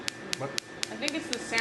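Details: Sharp, regular laser pulse clicks about four per second, with quiet voices, during a Fotona 4D non-surgical facelift laser facial on an adult man's face.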